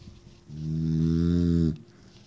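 One long, low, buzzing snore lasting about a second, rumbling and even in pitch. Snoring.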